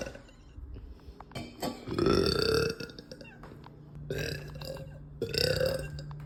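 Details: An adult (tagged as a girl, bloated and gassy) gives two or three deep, loud, drawn-out burps after lunch, each a low rumbling rush of air lasting under a second; belching (eructation).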